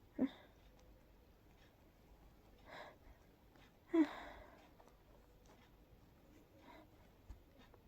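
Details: Several soft, breathy, stifled sneezes in a quiet room from a very sleepy person trying to fall asleep; allergy sneezing, trigger unsure, probably pollen.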